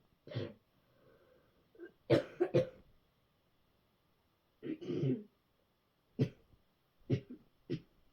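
About eight harsh cough bursts, some paired, with throat clearing and short breaths between them, in a quiet room.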